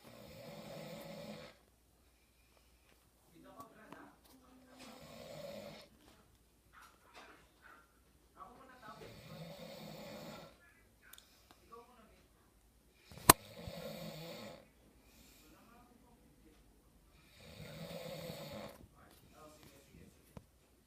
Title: my brother is snoring